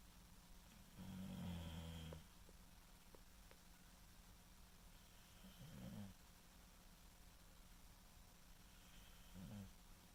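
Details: Snoring in sleep: three low, rumbling snores about every four seconds over a steady room hum.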